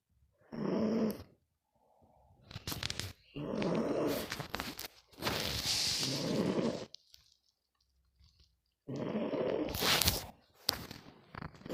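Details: Teddy sleeping: four loud, rough snores in about twelve seconds, with quiet pauses between them; snoring during sleep.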